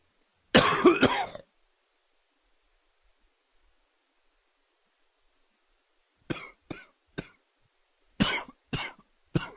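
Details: Summer cold cough: one harsh double cough, a pause, then two quick runs of short dry coughs.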